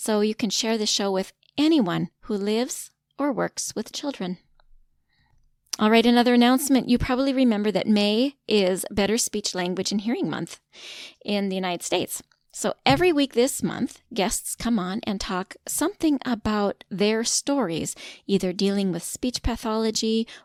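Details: Adult woman speaking; typical speech.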